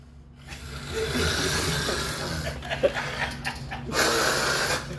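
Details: Person asleep snoring loudly: harsh, rattling breaths, uneven and without rhythm, with room noise.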